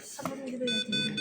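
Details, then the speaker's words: Ventilator alarm during a ventilator demonstration with no gas input connected: steady electronic alarm tones with faint voices, indicators showing no gas, low pressure and low tidal volume. "Sesuai sesuai sesuai kondisi ini no gas karena memang inputnya enggak ada. Terus pressure low karena enggak ada input jadi tekanannya rendah."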